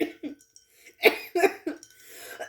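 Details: Adult woman coughing while speaking in a rant: a few brief coughs with throat clearing between spoken phrases; she says she coughed throughout.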